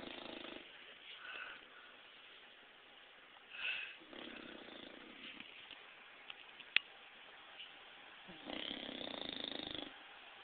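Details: Bulldog sleeping on a couch: rough, rattling breathing sounds, a few breaths over ten seconds; snoring.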